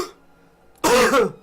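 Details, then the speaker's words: Adult's self-described COVID cough, recorded and later used as a sound effect: a single harsh, wet-sounding cough after a brief quiet lead-in. "But yeah, that was my cough."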